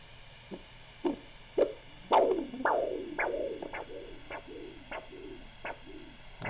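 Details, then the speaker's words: Ankle-brachial index demonstration with Doppler and ultrasound gel over dorsalis pedis, blood pressure cuff released after occluding pulse: quiet hiss, then rhythmic whooshing pulse returning and strengthening, about 110 per minute. "And when we start to hear that uh pulse again, that's the value that we would use for uh the dorsalis pedus aspect of the ABI. All right. So now you can start to release it."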